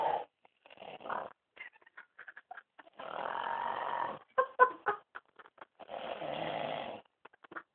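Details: Snoring during sleep: long raspy breaths alternating with short clicking and snorting sounds.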